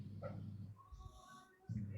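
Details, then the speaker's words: Sleeping dog snoring in the corner of a quiet room: loud, low rumbling snores, two snore sounds. "I've got Reggie here although it's not actually Reggie snoring look this is re right it's not him snoring it's this one over here in the corner over there"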